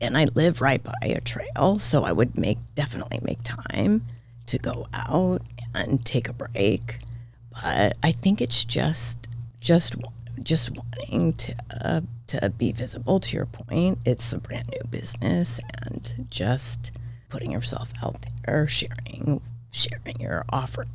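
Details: Adult woman diagnosed this year with spasmodic dysphonia, vocal cord spasms, attributed partly to voice overuse and stress; voice cuts in and out, sometimes hoarse, apparently occurring during this interview.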